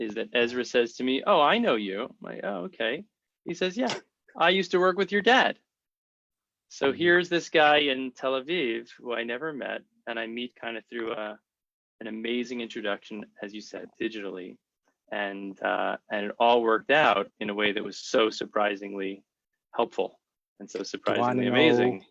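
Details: Adult male speaker; normal speech.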